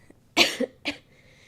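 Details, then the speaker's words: Sick adult with fever, headache and an itchy, tickly throat gives two short, harsh cough bursts about half a second apart in a quiet room: cough. "Yeah, coughs uh do be scary. They do be scary cuz you never know."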